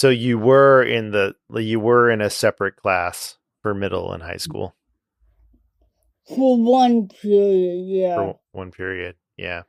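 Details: Adult speakers in conversation; typical speech.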